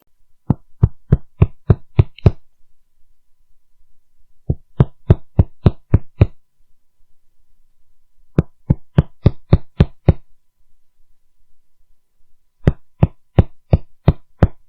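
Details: Four runs of quick finger percussion taps from a physical examination teaching demonstration, changing in pitch and hollowness: resonance over lung, dullness over solid organ, tympany over stomach.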